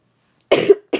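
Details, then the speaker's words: A person who has a cough, talking about their yoga routine, gives a single sharp cough followed by the start of a second; an ordinary cough. "sorry for coughing"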